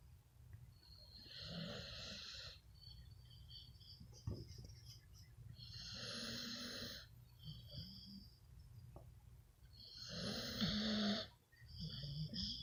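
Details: Sleeping female bully dog: loud, rough snores about every four to five seconds with softer snorting breaths between, growing louder as it goes on. Snoring.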